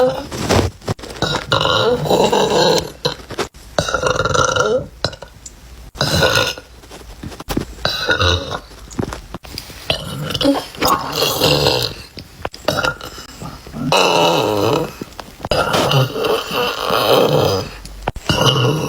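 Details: Girls burping in a compilation of short clips: a series of loud, drawn-out belches, one after another, from different voices.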